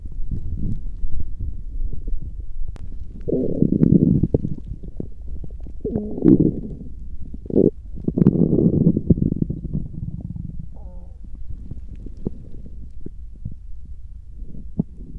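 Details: Low, rolling belly gurgles and growls in several long bursts, with crackly background noise; ordinary stomach growling (bowel sounds).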